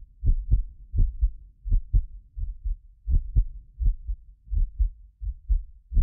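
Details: Heartbeat of a medically fit person recorded with several precision contact microphones: steady low lub-dub about 83 a minute; occasional doubled click from ~6 ms delay between overlapping microphones. Normal heart sounds.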